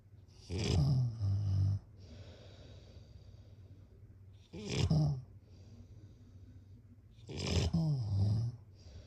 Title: #snoring #snoringasmr #snoringsleepingsoundeffect #snoringsounds #sleepsounds